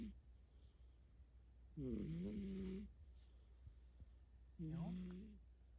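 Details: Female snoring: two droning, slightly tonal snores a few seconds apart over quiet room hum.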